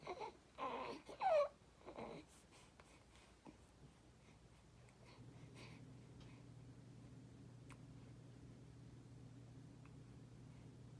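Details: Infant making a few short gurgling, whimpery vocal sounds with a pitch glide, then falling quiet.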